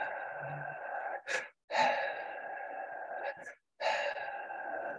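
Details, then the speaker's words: Paediatric emergency teaching: imitated breathing with quick short in-breaths and long slow out-breaths, a prolonged expiratory phase signalling bronchospasm in a wheezy child even when no wheeze is audible. "and causes a prolonged expiratory phase so you may only you may not hear a wheeze sometimes but you'll see that they breathe in very quickly and out slowly"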